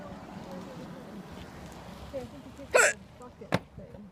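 Two abrupt, sharp hiccup sounds about a second apart over outdoor background noise and faint talk.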